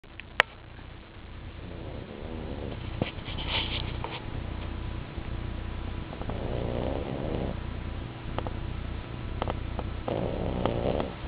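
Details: Pug and French bulldog snoring: continuous low rattling snores with snorty breaths over steady room noise.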